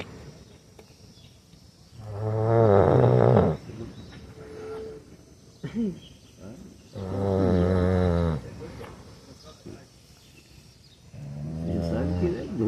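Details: Sleeping caramel dog snoring loudly: loud, slow, rumbling snores, about three long breaths with quiet pauses between; ordinary heavy snoring, with music in background.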